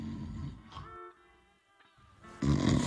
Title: The cat raised the whole house by snoring😹 Would you wake him up?😏 #cats